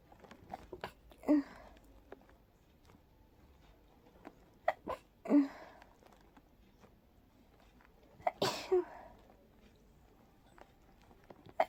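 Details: Three breathy, stifled sneezes with soft sniffs and clicks between in a quiet room, from a sleepy person trying to fall asleep; allergy sneezing, probably triggered by pollen.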